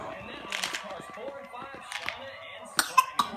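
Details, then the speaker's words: A young girl coughs several short times, some in a quick cluster, raising her arms as she coughs while skipping, with her mother talking nearby; cough. "When you cough and you put them up, honey."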